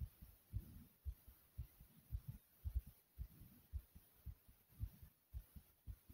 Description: My Heart was pounding kinda fast in this video.